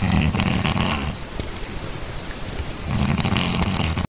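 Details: Loud snoring during sleep with bubbles in the nose: rough, rattling snores on two breaths with a gurgling, bubbly quality suggesting mucus.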